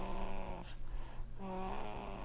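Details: Soft, low snoring from a sleeping 4-week-old baby boy, a harmless normal infant sleep noise.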